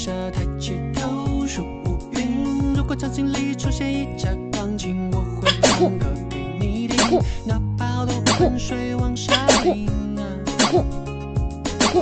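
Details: Pademelon (small wallaby) sneezing seven times after sniffing a wooden object: short, sharp sneezes partly masked by loud background music.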